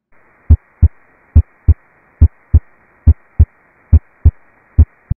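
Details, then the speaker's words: Female patient: regular lub-dub heart sounds at about 70 beats a minute, S1 from atrioventricular valve closure and S2 from semilunar valve closure; normal heart sounds (S1 and S2). "there are two normal heart sounds that correspond to the closure of valves usually described as love dub s one occurs with atrioventricular valve closure"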